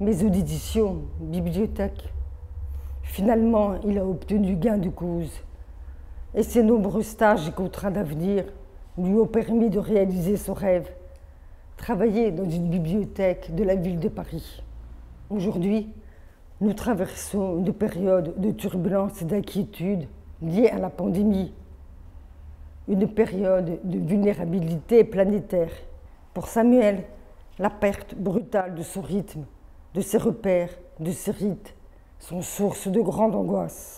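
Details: Adult woman born deaf with over 80% hearing loss from maternal rubella in early pregnancy, who had hearing aids from age 7, oral upbringing, speech therapy from age 2 through middle school and phoniatric voice work; speech of a person with congenital deafness.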